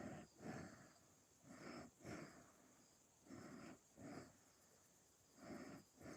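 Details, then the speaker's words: Snoring heard in the background during a chat and colouring session. "all right yeah that's snore is that danielio"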